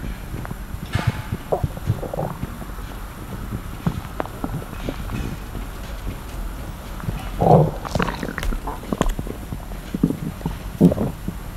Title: Stomach Sound ASMR, slosh & crackle | Stomach Growling